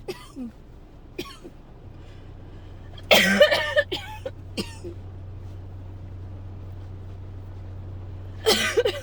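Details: Repeated harsh, dry cough bursts in clusters over a steady low background hum: a painful dry coughing fit in someone who woke up coughing, has barely stopped, and is getting sick.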